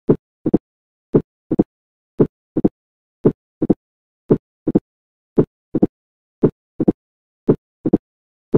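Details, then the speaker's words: Teaching recording: slow, regular heart sounds, each S2 closely followed by a sharp, high-pitched snapping sound, best heard at the left fourth intercostal space: opening snap of mitral stenosis. "The opening Snape of mitral stenosis it is the high पीच्ड shorts mapping sound calling about twenty twenty minutes seconds after S2"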